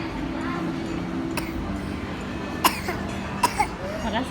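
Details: Child deliberately acting a fake cough while pretending to be sick to get vitamins: several short, forced coughs over a steady background hum.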